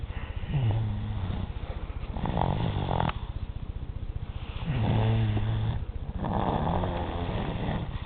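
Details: 3-year-old child snoring loudly enough to wake a parent at 4:30 in the morning: loud, rattling snoring with a harsh vibrating sound on each breath in, two clear cycles.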